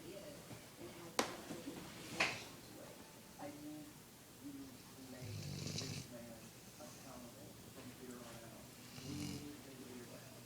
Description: This is my dog angus snoring loudly!!!